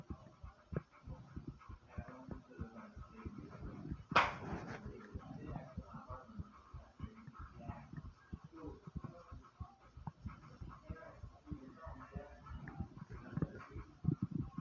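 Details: Fast, loud, low heartbeat thumps mixed with gurgling stomach noises and one loud rustle, right after walking up 5 flights of stairs; a rapid heartbeat after exertion.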